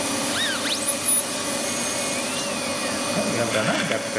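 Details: Live veneer preparation of maxillary anterior teeth in a dental student with a diastema, smile-design case: high-pitched high-speed handpiece whine cutting tooth, with water spray hiss and faint background music.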